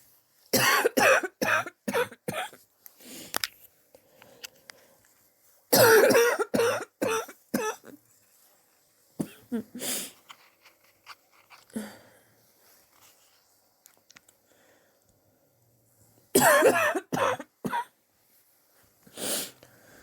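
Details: Adult with weeks of persistent coughing, self-suspected bronchitis, pneumonia not yet excluded (X-ray pending): repeated harsh bouts of several coughs each.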